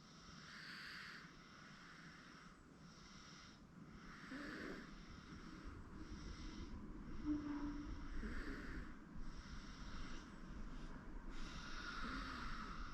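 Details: 8-month-old baby girl sleeping on a futon: soft, rhythmic snoring breaths heard faintly over low room noise; infant snoring.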